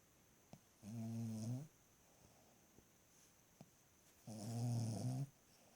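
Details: Two low, buzzing snoring breaths about three and a half seconds apart, with quiet pauses between, from a 2-year-old female Ruby Cavalier King Charles Spaniel asleep at night beside the owner: ordinary snoring.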